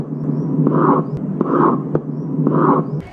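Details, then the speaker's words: Heart sounds at about 60 a minute with a high-pitched blowing pansystolic murmur filling systole, best heard in the mitral area; mitral regurgitation. "uh it is pan systolic murmur high pitch blowing murmur best heard in mital wall area is seen in mital regation very good"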